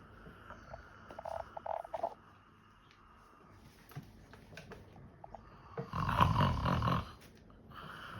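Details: Man pretending to sleep and snore to distract someone: a single loud, snorting snore after quieter noises and clicks in the room; imitated snoring.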